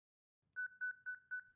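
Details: Rapid, steady electronic double beeps from a Zenix monitor defibrillator charging in manual mode after pressing the charge button, before shock delivery.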